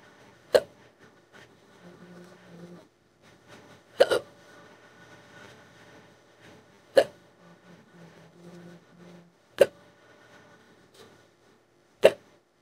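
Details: AI-generated imitation of a female cartoon character's hiccups, made from an old hiccup audio file, described as the strongest case in a long time and hurting the throat: five sharp hiccups about every three seconds with faint voicing between.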